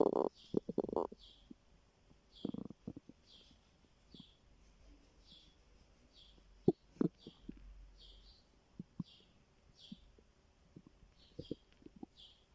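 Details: Stomach growling (borborygmi) from hunger: soft gurgles and brief rumbling bursts from the belly, with faint bird chirps in the background.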